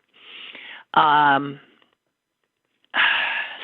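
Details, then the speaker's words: An adult woman's breathy inhalation, then a brief whistling musical tone, then another noisy breath; she wonders whether wind stirring things up the day before triggered it, and she struggled to breathe that day; wheeze. "that whistle that was a wheeze and I don't know if it was the wind yesterday they kicked things up for me"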